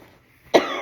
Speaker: Excuse me. Sorry, I'm still getting over a cold.